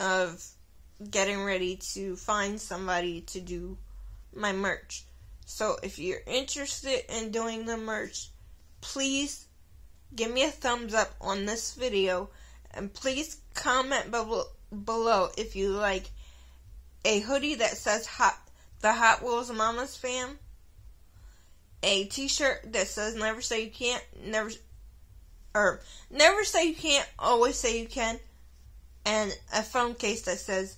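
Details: Adult woman with cerebral palsy who says it is why she sounds the way she does; dysarthria due to cerebral palsy.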